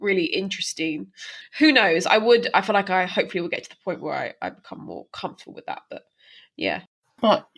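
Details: Stammering in a woman who stammers herself, speaking as co-host of a stammering association podcast; real, not acted.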